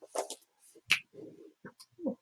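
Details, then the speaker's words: A teacher recording an algebra lesson hiccups in a quiet room. There are soft breathy and mouth noises, then one sudden sharp catch of breath and a few small jerky sounds. "sorry i have hiccups sorry if you can hear them"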